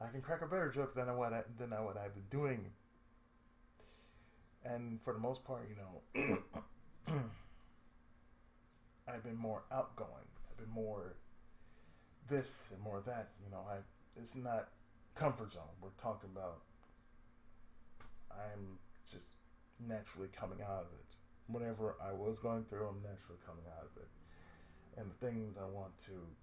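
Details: Adult male with cerebral palsy, with speech problems since childhood and ongoing breaks and pauses in his speech that he reports he cannot control; speech disfluency (cerebral palsy).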